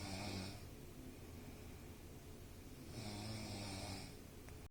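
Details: Loud snoring: two rattling snores about three seconds apart, each a low vibrating inhalation, with quiet breathing between.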